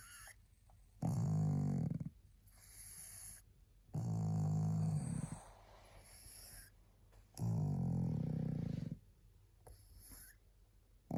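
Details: Tired pug resting, barely able to hold her head up: loud, rattling, low snores on each breath in, about 6 breaths a minute, with quieter breaths out between; snoring.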